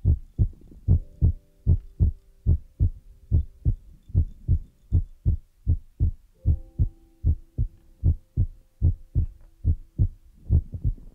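Steady low thumping heartbeat at about 75 beats a minute, with faint soft tones over it.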